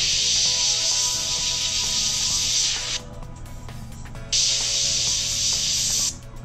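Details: Dental three-way syringe spraying water and air onto a self-cleaning dental mirror during a demonstration: steady hissing spray that pauses briefly and resumes, with faint music behind.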